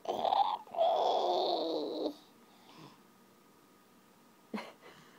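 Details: Stridor in a sick 17-month-old toddler girl: harsh, noisy, drawn-out breath and voice sounds with a brief barky burst from a narrowed upper airway.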